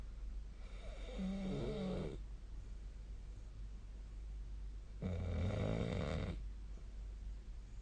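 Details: Two loud, rattling inspiratory snores about four seconds apart with quiet room hiss between, recorded during sleep on 2025-02-18; ordinary snoring.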